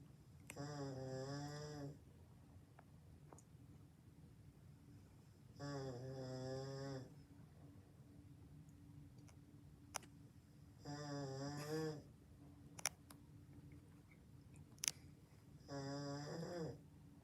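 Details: Adult man snoring at 8 in the morning: loud rattling snores on each breath in, about 12 a minute, with quiet gaps between; heavy snoring.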